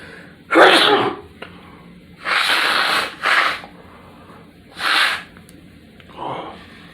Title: Bathroom Sneeze With The Big Nose Blowing